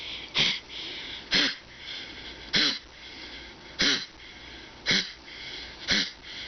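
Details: Bear, a dog with a collapsing trachea, coughing too much: six harsh, honking coughs in quick succession, a collapsing trachea cough.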